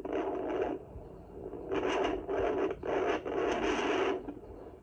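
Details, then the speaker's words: Home fetal Doppler at 17 weeks of pregnancy picking up the mother's own pulse: slow, repeated whooshing swishes, unlike the baby's choo-choo heartbeat. "That's mine. And that would be yours if it sounds like swishing."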